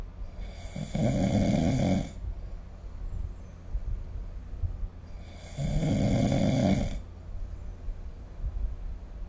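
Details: Snoring recorded with the SnoreLab app: two loud, rough, rattling inward snores about four seconds apart, with quiet breathing between them during sleep.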